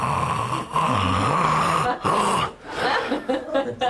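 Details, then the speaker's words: Adult imitating obstructive sleep apnea snoring during a talk on CPAP: loud, rattling snores as the soft palate flaps against the back of the throat. "And so you've got this flap of skin, the soft palate, hitting the back of the throat, and then air has to go through it and it goes like this."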